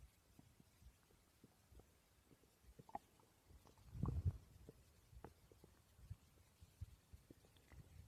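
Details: Woman's stomach growling while she slept: quiet, low gurgling abdominal rumbles with a louder burst partway through; ordinary borborygmi from normal gut activity.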